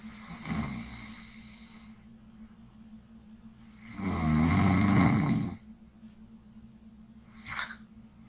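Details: Person asleep during a nightly sleep stream: two loud, rough snoring breaths with a low rattling buzz, separated by quieter breathing, with a faint snort at the end; snoring.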